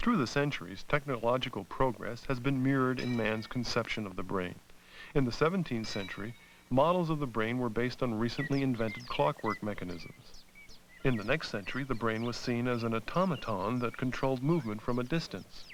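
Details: Adult male narrator; normal speech.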